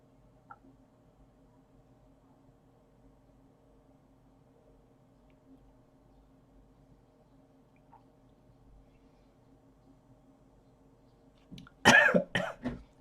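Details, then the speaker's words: A quiet room, then a brief cluster of about three short coughs near the end from a person left with a lingering cough after COVID. "you can hear i'm still coughing a bit um although i'm really hoping that the kobit has gone but just left me with a cuff"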